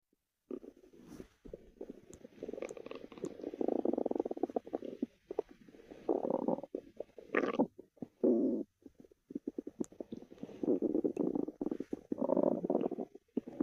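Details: Low gurgling, rumbling bursts that come and go over several seconds from Ginger, an animal being shown in a snow-time outfit; stomach growling, normal gut noises (borborygmi).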